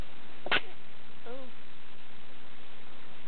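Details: A baby girl waking from a nap gives a single short, sharp sneeze that expels a booger, followed by a brief soft vocal sound.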